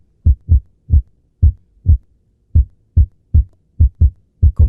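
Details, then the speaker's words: Atrial fibrillation heart sounds: completely irregular spacing with no steady rhythm at all, the hallmark of atrial fibrillation, which can also be felt in the radial pulse. "Fíjate como no lleva ningún ritmo y como que hipsab. Esa es la característica de la fibrilación auricular."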